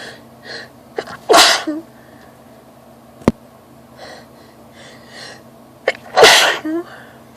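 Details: Woman sneezing during an allergy flare, with itchy, watery eyes: two loud, explosive sneezes, each preceded by a short indrawn breath, in a quiet room; a messy sneezing bout.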